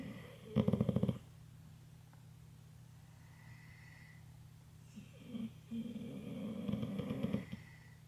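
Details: Snoring after falling asleep cuddled in bed while watching TV: a short rattling snore, then a longer rumbling one, with faint television sound behind.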